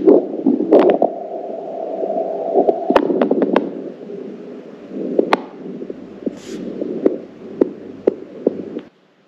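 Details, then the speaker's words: Lung sounds recorded with a 3M Littmann CORE digital stethoscope and played back in its app: soft, muffled breath noise with scattered clicks from handling or playback. "Là, c'est un enregistrement pulmonaire comme vous l'entendez."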